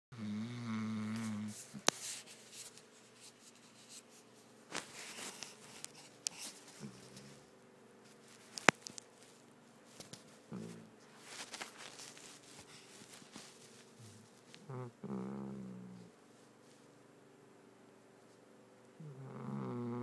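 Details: Labrador Retriever sleeping on a bed and snoring very loudly: rough, rumbling breaths repeating every few seconds in a quiet room.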